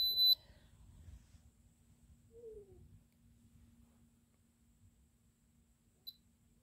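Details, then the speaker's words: Glucose meter beep: one short, high electronic beep, then a faint chirp, as the meter turns on ready to test clear nasal drip for glucose in a person who suspects a CSF leak, previously diagnosed with migraine, POTS and EDS. "so it beeps to say that it's on it's ready to go"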